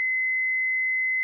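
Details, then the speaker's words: Efficia DFM100 manual defibrillation demonstration with external paddles on the patient's bare chest: after pressing the paddle charge button, a steady continuous high-pitched tone signals the defibrillator is charged and ready to shock. "then press the charge button on the paddle the on shock buttons on the paddles flash to indicate the defibrillator is charged make sure no one is touching the patient or anything connected to the patient"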